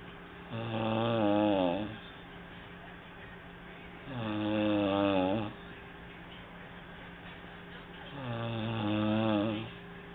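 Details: Snoring: three loud, rough snores about every four seconds, roughly 15 breaths a minute, with quiet breathing between; steady snoring during sleep.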